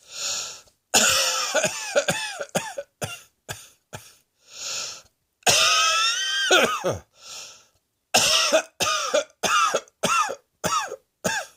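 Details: Repeated bursts of harsh, voiced coughing in clusters, with audible breaths in between; a persistent cough heard in a quiet room.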